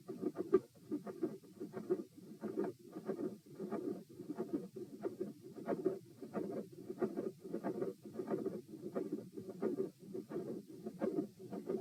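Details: Heart auscultation at position P during a stress test (rates 72-90-102-114-90 bpm while lying, sitting, standing, bobbing, standing, lying). Heart sounds near 90 per minute, with a continuous rumbling machinery murmur and sharp clicks between beats.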